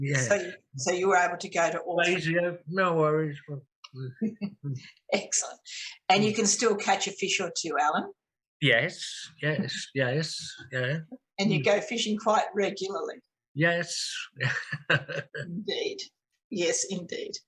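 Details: Two adults in conversation; conversational speech.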